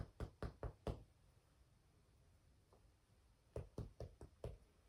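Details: Nursing head-to-toe assessment of a female patient, percussion over the back: two quick series of hollow, low-pitched taps, three then five; normal resonant lung percussion note.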